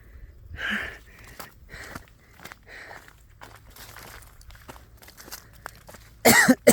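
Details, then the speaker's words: Three short, dry coughs from an adult right after climbing a steep rock to a hilltop while exploring a forest quarry, unaccustomed to such exercise; cough after exertion. "അയ്യോ കേറിയിട്ട് ചുമച്ചു ഇങ്ങനത്തെ എക്സസൈസോ കാര്യങ്ങളോ ഒന്നുമില്ലല്ലോ"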